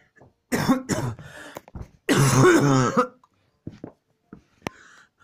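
Several forceful coughs and throat-clearing bursts in quick succession, followed by a few faint gasps; a coughing fit.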